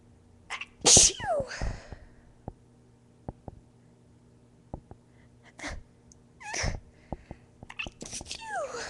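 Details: Induced sneezes from a young woman: a sharp, loud sneeze, then quieter sniffs and a second breathy sneeze burst, with faint room hum.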